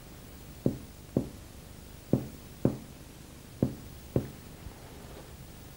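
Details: Normal lung resonance on percussion.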